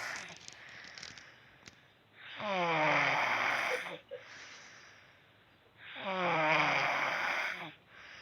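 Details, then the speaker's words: Loud snoring at 1 a.m. from a 12-year-old girl, so loud it keeps others from sleeping. "Les comento, esto es el porqué de que nosotros no podamos dormir y tengamos una noche realmente pesada, algo poco creíble, y sinceramente si no fuera por este video nadie nos creería."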